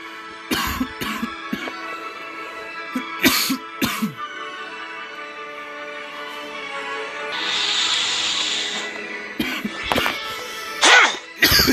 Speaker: You can hear me now, right? Three, hear me coughing my head off?